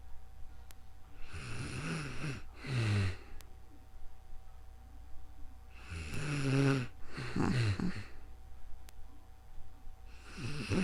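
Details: Real-time snoring during calm sleep, recorded with a new microphone: paired rattling snores roughly every four to five seconds in a quiet room with a faint steady hum behind them.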